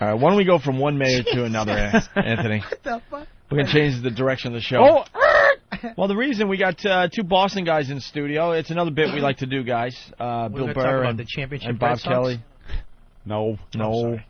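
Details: Adult male radio host; typical speech.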